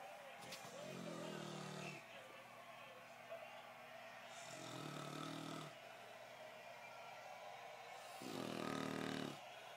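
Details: Very loud snoring during sleep: three rough, buzzing snores about every four seconds over steady background noise.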